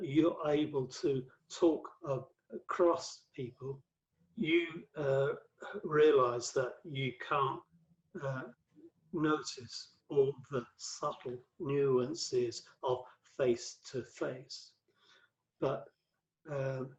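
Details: Adult male with aphasia after a massive 2013 stroke that left him paralysed and speechless for about three months; five strokes (2007–2015) from cerebral amyloid angiopathy; affects word fluency and word finding, worse with tiredness or stress; aphasia.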